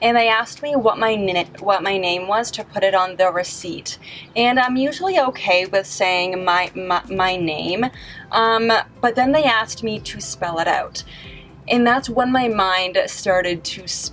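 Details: Adult woman with a stutter, closely related to social anxiety, with trouble on words she cannot change and on vowel sounds; stuttering.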